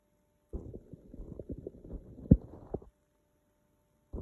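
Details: Low gurgling and rumbling bowel sounds for about two seconds; ordinary hungry stomach noises, borborygmi.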